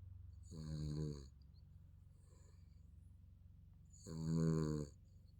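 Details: Baby snoring in sleep: two soft, buzzy snores on inhalation with quiet breathing between.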